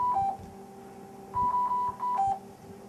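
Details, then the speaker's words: Dräger Babylog VN500 neonatal ventilator in a NICU training demonstration, starting to alarm before being put back into start/standby: repeating two-note electronic alarm tones over a faint steady machine hum. "it's going to start alarming on me so what I'm going to do is I'm actually going to put us back in to start standby here for a second"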